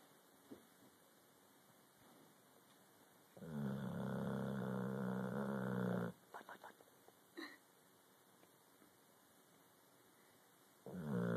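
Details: Sleeping Cane Corso dog snoring: a long, loud, rattling snore followed by short snorting puffs as the loose cheeks flutter.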